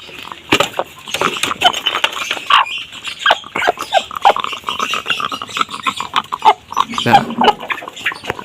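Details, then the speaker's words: Laying hen, overheated under a hot roof, with repeated rough, snorting breath noises: heavy snoring, a sign of labored noisy breathing in a chicken. "ini mau saya ambil saya taruh di tempat yang dingin karena apa ini dia itu ngorok sekali ini"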